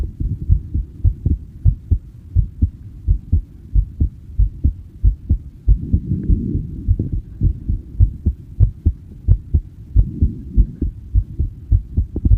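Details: Steady, regular low heartbeat at a fairly quick pace with ordinary paired beats and no extra sounds: normal heart sounds, the uploader's own heartbeat recorded in person.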